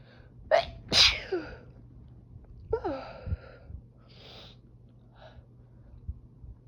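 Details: Adult sneezing fit with itchy, tickly nose, watery eyes, runny nose and stuffiness while a cat meows in the background: two sharp sneezes close together, then a softer sneeze with sniffs and breaths.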